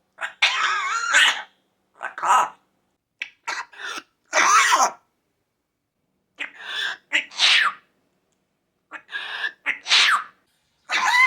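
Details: Birds, possibly parrots, coughing and sneezing: several short, sharp, high-pitched bursts in a row with pauses, like small-bird sneezes and coughs.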